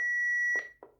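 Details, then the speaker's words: Steady high-pitched charging tone from a public access defibrillator in a demonstration after "shock advised," ending with a short thud and a second click as the shock is delivered; normal shock sequence. "shock advised charging stay clear of patient deliver shock now press the orange button now"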